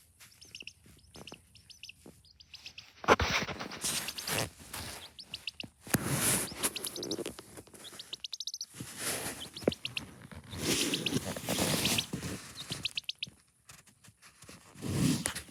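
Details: Sick chick, under treatment with medicated feed, probiotics and egg yolk, making an odd noise: quiet repeated chirps mixed with rough, noisy breathy bursts, an abnormal vocalization.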